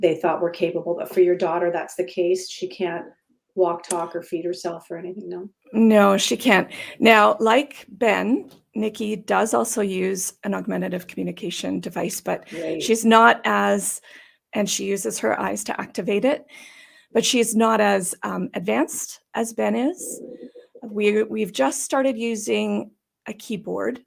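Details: Adult woman with idiopathic subglottic stenosis for about 12–14 years, treated with repeated tracheal dilatations and surgeries on her trachea; she says these may leave her sounding gravelly or gasping for breath. Dysphonia from subglottic stenosis.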